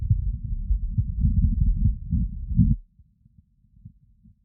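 Low muffled thumping through a stethoscope with rubbing noise, then faint regular beats; heartbeat on auscultation.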